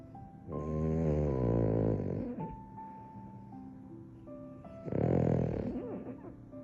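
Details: Frenchton (French Bulldog–Boston Terrier) puppy snoring after pool time: two drawn-out, buzzing snores over background music; puppy snoring.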